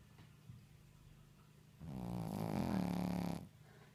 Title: Shih tzu sleeping snoring loudly !!